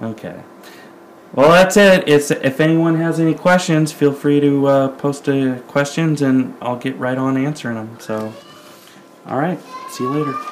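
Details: Single speaker; normal speech.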